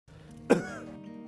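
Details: Acted, simulated scene: one short, harsh cough over soft music. The cough has lasted about a month, and more than two weeks of coughing is shown as a possible tuberculosis warning sign: persistent cough.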